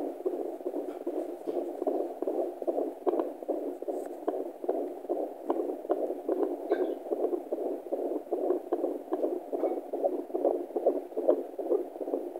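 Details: Fetal heartbeat on Doppler at 26 weeks 5 days of pregnancy: rapid, regular whooshing pulses, about 145 beats a minute.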